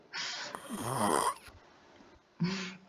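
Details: Ordinary snoring: a rattling, fluttering snore on the in-breath, then a quieter snorting breath.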